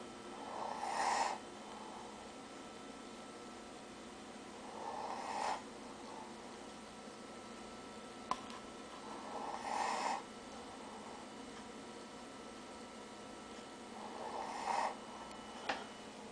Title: snoring